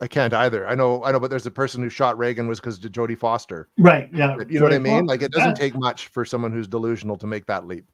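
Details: Adult male speaker; typical speech.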